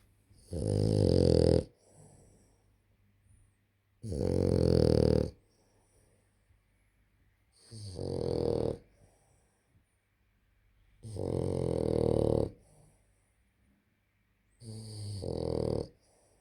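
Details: Sleeping dog snoring: loud, rattling snores with quiet gaps between them, five in about sixteen seconds, roughly 18 a minute.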